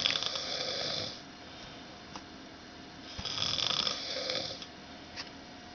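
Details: Loud snoring, reportedly worsening later in the night: harsh, fluttering snores on each breath about three seconds apart, with quieter exhales between; snoring.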